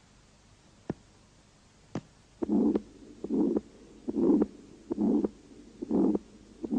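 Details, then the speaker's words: Aortic stenosis on stethoscope auscultation: weakened first and second heart sounds with a harsh systolic murmur radiating to the vessels, from narrowing of the aortic orifice obstructing left ventricular outflow. "стенозе наблюдается ослабление первого и второго тона и грубый систолический шум на улице проводящийся на сосуды j возникает в результате сужение устья аорты и затруднение оттока крови из левого желудочка"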